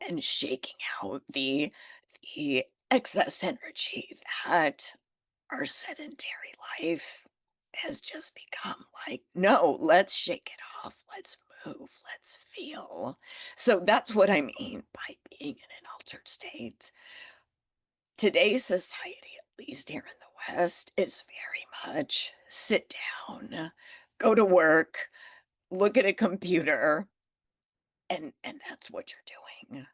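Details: Adult woman with spasmodic dysphonia that developed from stress after starting her business; she is managing it naturally without Botox and says it is still audible in her voice.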